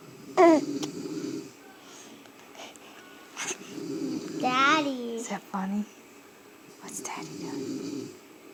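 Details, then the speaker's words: Young girl playfully imitating her father's snoring with drawn-out rough breathy noises between vocal sounds; imitated snoring, not true snoring. "Oh, she was trying to imitate Daddy snoring."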